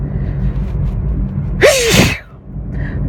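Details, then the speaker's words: Adult sneezing while driving, with watering eyes after a long urge to sneeze; a single forceful sneeze with a sharp voiced burst over steady low engine rumble from the moving car. "right there I'm sneezing all over myself on I'm drivin that's I got see properly it's not good well eyes are watering"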